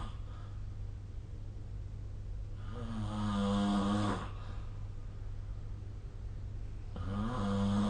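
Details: Sleep snoring recorded with a snore-recording phone app: two loud, rattling snores on breathing in, separated by a quiet breath out, over a steady room hum.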